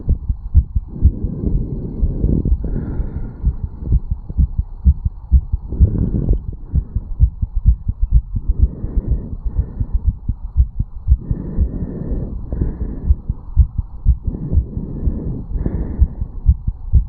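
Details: A 34-year-old man's heart after a quick morning jog, recorded at the mitral (bicuspid) valve area: rapid, strong, regular heart sounds at roughly 120–125 beats a minute; a fast heartbeat after exercise.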